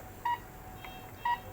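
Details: Repeated short, clear electronic beeps about a second apart as keypad buttons are pressed in a quiet room. A syringe pump with a Terumo syringe and PMO line is being programmed to a rate of 5 during a nursing demonstration, not connected to a patient.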